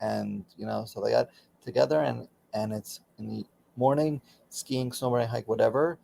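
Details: Aphasia in a man about 16 years after a stroke during surgery that affected his right arm and leg; he continues daily speech therapy.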